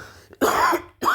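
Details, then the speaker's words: Man who is sick, with a sore throat, dizziness and a bad night, gives a rough, harsh cough burst, then the start of another; he calls it a nasty cough. "горло бля болит нахуй кашель этот [ __ ] нахуй [ __ ] противный кашель бля бля фу"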